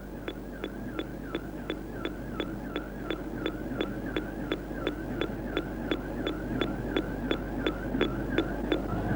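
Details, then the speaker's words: Heart-rate monitor beeps comparing a woman still resting (slow) with a man running on a treadmill at 10 km/h: his beeps are rapid and regular at about 155–160 a minute, an exercise-induced fast heart rate, over low room hum. "His heart has to work faster than hers, pumping more blood around his body to provide his muscles with fuel and oxygen. Listen to her heart. Still slow at the top. And his faster at the bottom there."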